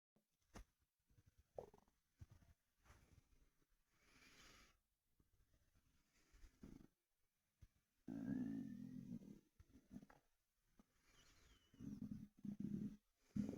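Irregular low gurgles and rumbles from an adult abdomen, with liquid sloshing; ordinary bowel sounds.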